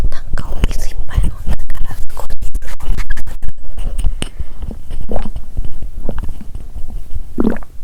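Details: Irregular low abdominal gurgles, squelches and soft pops, recorded about three hours after eating while lying down and changing posture; normal digestive bowel sounds (borborygmi).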